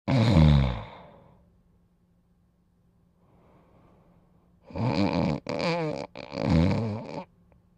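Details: Dog named Dodger sleeping and snoring: deep, groaning snores with a soft airy breath between them and a faint steady hum.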